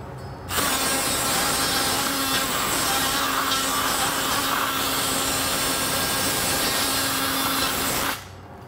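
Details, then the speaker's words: Surgical bone saw in a total knee replacement demonstration on a model bone: a steady high-pitched whine and rasp for about seven and a half seconds as a saw blade shapes the end of the femur, making dust. "And, again, take a saw blade and shape the end of the bone. We're getting dust everywhere."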